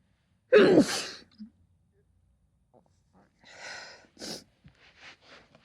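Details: Sneezing: one forceful sneeze from a woman, with a sharp intake before it and soft sniffing and nose-blowing after.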